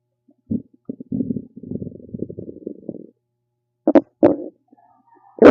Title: RUMBLING STOMACH NOISES #stomachnoises #stomachsounds #stomachrumbling #stomach #guts